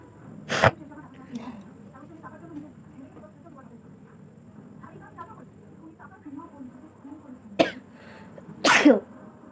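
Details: Three loud, sharp sneezes over background chatter and room noise, acted for a sneezing challenge using a dupatta; sneeze.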